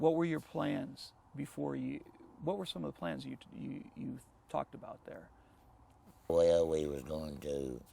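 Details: Adult male interviewer, with a second speaker at the end; normal voice.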